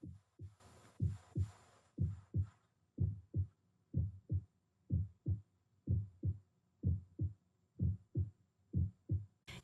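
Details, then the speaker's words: Normal heart sounds in a teaching demonstration: steady lub-dub at about 62 beats a minute, with clear S1 from mitral and tricuspid closure and S2 from aortic and pulmonic closure, nothing extra. "They close during cy and they make that lub sound. Then after they close naturally diastily comes next and your aotic and pulmonic valves close. That makes the dub sound."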